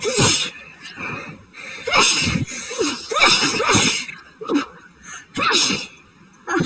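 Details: Sneezing fit after going outside to check the mail during a very high pollen count; person suspects a new grass allergy, as grass normally doesn't bother them. About six rapid, forceful sneezes with sharp gasping intakes between.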